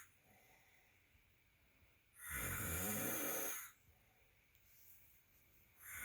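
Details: Snoring recorded January 5, 2020: one long, loud, rasping snore on breathing in, then quiet breathing before the next begins; ordinary snoring.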